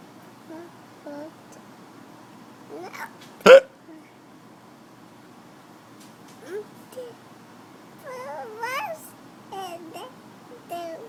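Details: Young child with hiccups, trading them with father: one sharp hiccup amid quiet babbling and soft voices in a room.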